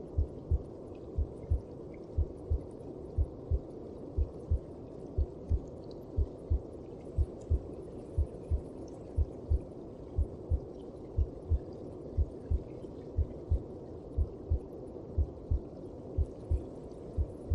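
Steady low thumping heartbeat, about 60 beats a minute, over a muffled whooshing background.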